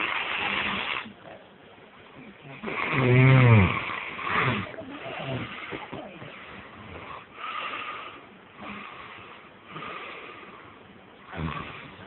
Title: snoring